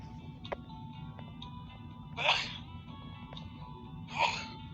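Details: Man having a morning spring sneezing fit; two forceful, explosive sneezes about two seconds apart with music playing in the background.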